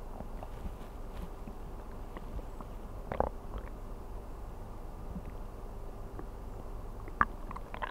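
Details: Stomach sounds recorded while sleeping on an empty stomach (ASMR): low, soft gurgling rumbles with a few brief louder gurgles over steady background hiss; ordinary hunger bowel sounds.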